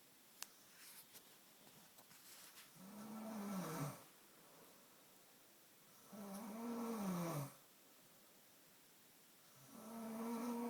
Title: i think this is rea snoring